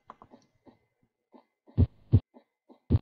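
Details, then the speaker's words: Normal regular heart sounds demonstrated in an anesthesia physiology lecture: distinct S1 and S2 with quiet gaps and no added murmurs. "S1 and S2 with no other murmurs next to it"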